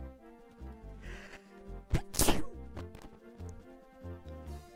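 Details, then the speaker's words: Single quick, high-pitched sneeze during a live game stream, over background video game music; sneeze. "tell me you didn't hear that sneeze."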